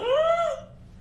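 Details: 16-year-old girl with cerebral palsy since birth, unable to speak; natural voice sample produced with her larynx but without shaping her vocal tract into speech; non-speech vocalization in cerebral palsy.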